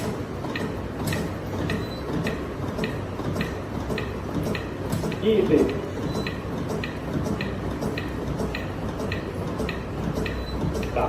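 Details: Thai AED training on a simulated patient: after a successful shock, steady metronome pace tones for chest compressions at mid-chest between the nipples, 5–6 cm deep, 100–120 per minute, 30 compressions to 2 breaths; AED CPR metronome prompt.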